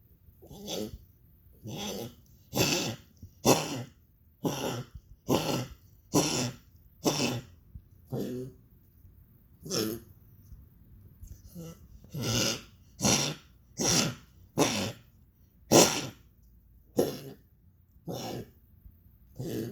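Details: Dog coughing: repeated harsh, dry coughing bursts, about twenty over twenty seconds, in close succession with brief pauses.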